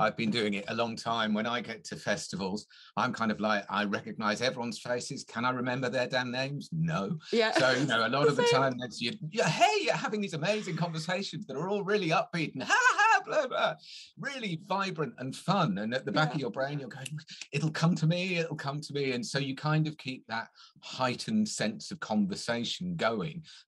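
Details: Adult male speaker; Normal conversational speech.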